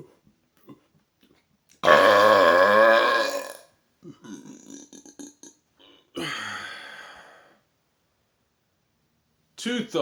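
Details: Person after drinking 1.25 liters of Coke Zero: two long, loud, deep burps separated by brief murmured talk; deliberate, forceful belching of swallowed gas; burping.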